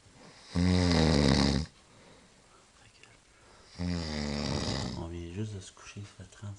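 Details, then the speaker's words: Adult man snoring while asleep at night, shortly after lying down, waking everyone in the room: two loud, rough, low rattling snores on inhalation about two seconds apart, followed by softer snorting breaths. "secondes il rentre comme une bûche tout le monde est réveillé rouvre la lumière"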